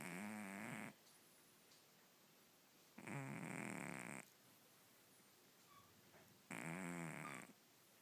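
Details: Female cat with loud snoring; owner wonders about sleep apnea. Three raspy, rattling snores about 3.5 seconds apart, with quiet pauses between them. Cat snoring while asleep.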